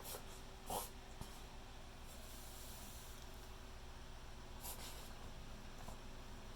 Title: Reverse sneezing x2